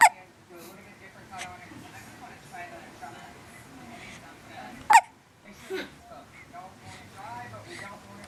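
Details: One-week-old newborn baby with hiccups: sharp, abrupt little gulping catches, a few over several seconds, with soft adult talk in the background.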